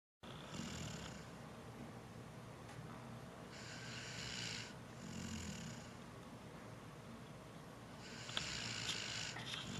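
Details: Person snoring while awake, with a runny nose: several rough, hissing snore-like breaths with a rattling low rumble.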